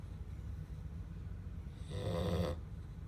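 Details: Sleeping black Labrador puppy snoring: a single soft, low, rattling snore against steady background hiss.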